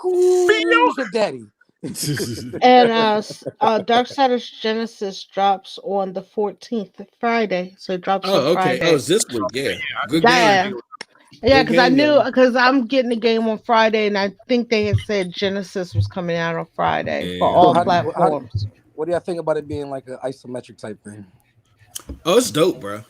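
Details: Adult male speakers in conversation; normal conversational speech.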